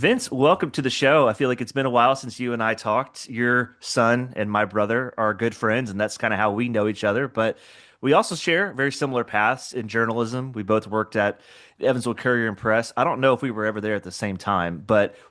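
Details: Adult male speaker; normal speech.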